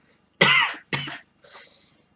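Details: Adult with a lung infection coughing while reading poetry aloud: two harsh, loud, wet-sounding coughs in quick succession, then a softer breathy exhale; cough.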